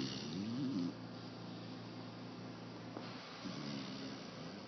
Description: This is our 4 and 1/2 month old lab, Finnley, sleeping on his back in his moms lap...mouth open and snoring.